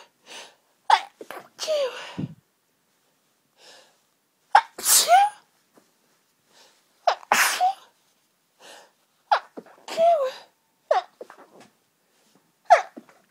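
About six forceful sneezes in quick succession, each after a sharp in-breath: a sneezing fit from hay fever.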